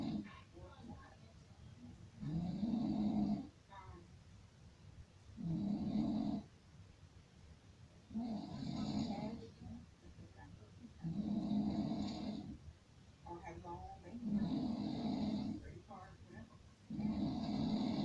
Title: Soothing snoring sounds